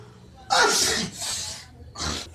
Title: Sneeze malady